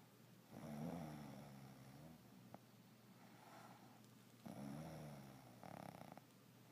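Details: Person who claims not to snore, snoring: two slow, rough, rattling snores on the breath in, with quiet breathing between, in a small quiet room.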